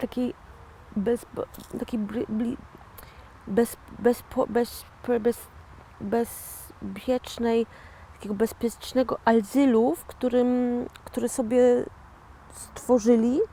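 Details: Post-stroke aphasia in a 41-year-old woman, real (not acted), who had a stroke in 2009 and calls herself a stroke survivor and an "aphasian"; finding: aphasia after stroke.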